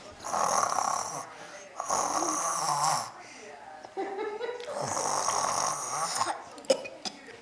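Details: A child imitating how his dad snores: loud rasping, snorting breaths repeated about three times, simulated snoring, not real.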